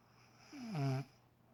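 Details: Adult woman's loud snoring during sleep early on a Saturday morning.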